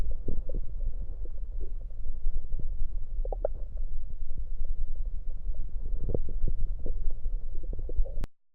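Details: Stomach recorded with an electronic USB stethoscope while gulping soda: continuous low rumbling and gurgling with scattered bubbling pops as the fizzy drink reaches the stomach, with burps; normal bowel and stomach sounds.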